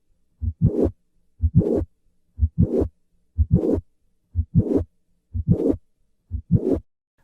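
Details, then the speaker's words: Mitral valve prolapse, most common cause of primary mitral regurgitation: regular heartbeat about 60/min with soft late systolic murmur of a leaking mitral valve. "mitral valve prolapse is the most common cause of primary mitral regurgitation in developed countries listen once again to the murmur of mitral valve prolapse"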